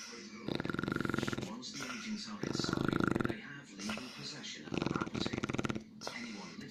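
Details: Loud, rattling, fluttery snoring from a sleeping Shar Pei dog, three snores in quick succession with quieter gaps: snoring.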